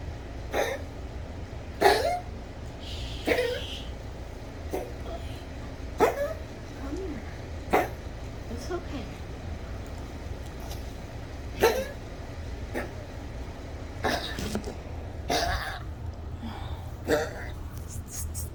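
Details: Yorkie with a rapidly collapsing trachea, severe 3am coughing fit that is becoming more frequent: repeated harsh, hacking coughs over a low steady hum; tracheal collapse cough.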